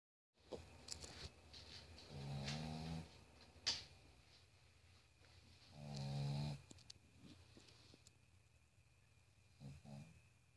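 Loud buzzing snores from a sleeping dog, a few seconds apart with quiet breathing between; ordinary snoring.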